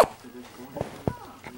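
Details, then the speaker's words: Infant boy with morning hiccups: about three brief, abrupt catching sounds in under two seconds over soft vocal noises and room sound. "who is that little boy got to he hiccups this morning"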